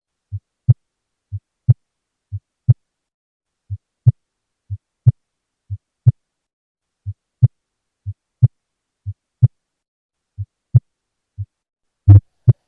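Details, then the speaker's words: Soft first heart sound heard with a stethoscope: a regular heartbeat at about 60 a minute, with the first sound of each pair noticeably fainter than the second. "This is the voice of Soft First Heart Sound"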